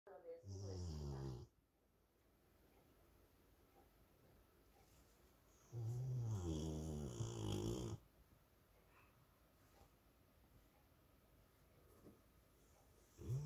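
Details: Tired sleeping Rottweiler dog: two long, loud, rattling snores separated by quiet breathing in a small room; dog snoring.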